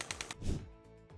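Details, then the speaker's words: Radial shockwave therapy on a left-wrist pain patient (office worker), applied over gel after 1,700 focused shots and starting on thicker muscle; a few sharp tapping pulses, then a low thud and fading room noise. "요 요 같은 경우에는 집중형이랑 다르게 조금 더 툭툭 치는 느낌이 나실 거예요. 그래서 시작할 때 환자분이 놀라시지 않게 좀 근육층이 좀 두꺼운 부분부터 시작을 합니다."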